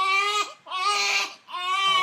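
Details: Two-week-old newborn boy during a chiropractic adjustment of the atlas (first cervical vertebra) with suboccipital muscle work gives rhythmic high-pitched crying: three sustained wails with brief breaths between, a clear, strong infant cry.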